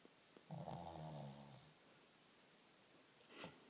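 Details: Shih tzu: one loud, low, rattling snore lasting about a second, then quiet room noise and a faint sniff: loud snoring.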